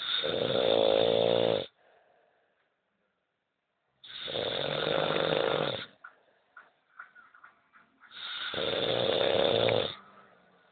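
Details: Ordinary snoring: three loud, rattling snores about four seconds apart, roughly 14 breaths a minute, with quiet pauses between them.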